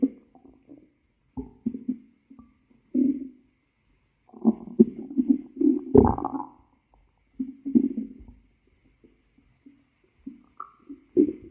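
Irregular low gurgles and rumbles in short bursts with quiet gaps between: ordinary stomach growling.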